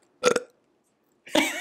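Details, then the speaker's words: A short, throaty, voluntarily produced burp, followed after a pause by a brief voiced sound; an ordinary self-induced belch. "is it a real burp or you sound like yeah"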